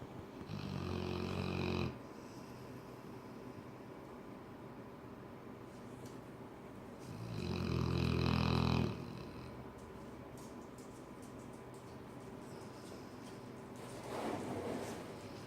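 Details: A sleeping mastiff lying on Baxter snores loudly, with rattling inhaled snores about every six seconds and quiet pauses between them.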